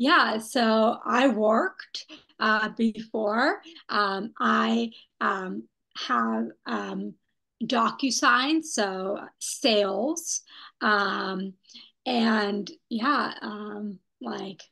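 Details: Young woman who had a stroke at age 27, after intensive rehabilitation; non-fluent, telegraphic speech with missing words, public speaking especially hard; non-fluent aphasia.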